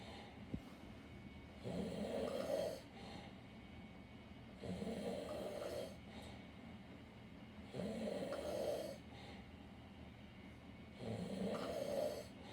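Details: Four long, regular, rough snoring breaths about every three seconds, roughly 20 a minute, with quieter pauses between them; snoring.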